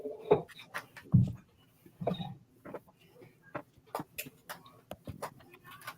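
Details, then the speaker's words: Stomach growling (borborygmi), heard during a live-streamed conversation: low gurgling rumbles and short bubbling pops, audible enough that others comment on it. "oh my St did you guys hear that whoa that was my stomach mine's doing that too is it yeah I don't know why"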